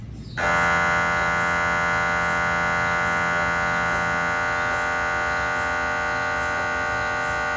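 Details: Cardiac MRI sequence on a GE 3T scanner with 8-channel cardiac coil, test phantoms rather than a patient: loud steady mechanical buzzing with rapid rhythmic pulsing; MRI gradient noise.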